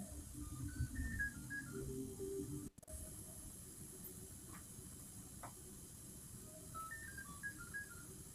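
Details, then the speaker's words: Apex locator signal during a root canal ledge-bypass demo with a small ultrasonic tip and EDTA irrigation: short beeping tones over a low hum of dental equipment, signalling the file tip has reached the root apex. "Okay, you hear the sound. I have reached the apex."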